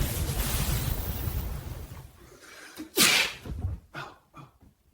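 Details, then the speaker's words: Man sitting on a sofa with a cat napping on his lap suddenly sneezes: one loud, forceful sneeze burst from room noise, then a few softer sounds; it startles the cat, which runs off. "Then, out of nowhere, he lets out this massive sneeze. It's so loud that it scares the living daylights out of the cat."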